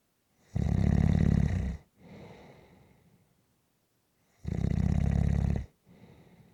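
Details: Snoring during a nap: loud, low rattling snores on each in-breath with softer out-breaths, about every four seconds.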